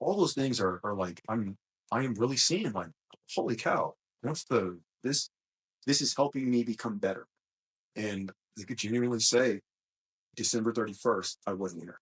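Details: Male speaker with a self-described small speech impediment, a stutter, which he links to his mind always moving fast since childhood; stuttering.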